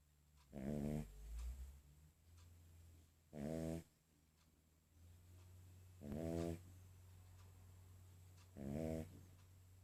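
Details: Sleeping King Charles spaniel snoring loudly: four rattling snores at a steady pace of about 22 a minute over low room hum.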